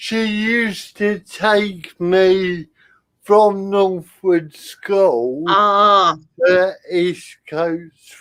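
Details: Adult male with spastic cerebral palsy attributed to lack of oxygen at birth, affecting limb control and speech; dysarthria in cerebral palsy.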